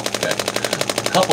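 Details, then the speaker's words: Radial pulse shockwave therapy on a chiropractor's right-side neck and shoulder strain after tweaking his neck lifting his arm overhead; device gives rapid rattling jackhammer-like pulses, about twelve a second, on neck and shoulder muscles. "today we're going to be doing some more of our radial pulse shock wve we've got Dr Alec here"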